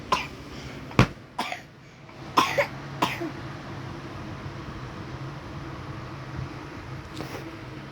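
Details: Sick child, repeated coughing: five short, sharp coughs within about three seconds, then quiet room noise.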